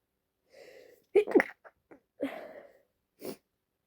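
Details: A woman sneezing: a breathy gasping build-up ends in two quick loud sneezes, then a third sneeze after a short pause.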